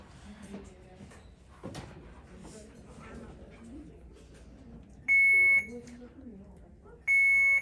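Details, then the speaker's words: Two loud, steady high-pitched alarm tones from an IV infusion pump in a teaching demonstration, showing an occlusion alarm on the patient side, between the pump and patient. "so look what it says it's checking the lines and it's going to start screaming in just a minute and watch what it says"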